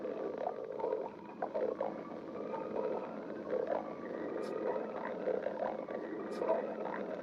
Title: stomach growling 16